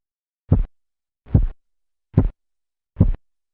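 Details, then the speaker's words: Four crisp, loud, regular low thumps at about 72 per minute heard over the brachial artery during manual blood pressure measurement as cuff pressure falls: phase 3 Korotkoff sounds, murmur gone. "En la fase 3, el murmullo desaparece dando paso a un sonido más nítido y de mayor intensidad."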